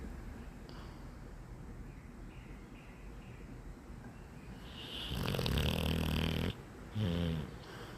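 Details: Sleeping dog: soft breathing, then a loud, deep, rumbling snore followed by a shorter snort; snoring.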